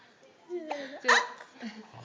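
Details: A sharp, gulping hiccup from a baby amid soft voices, with aunts imitating the hiccups; hiccups.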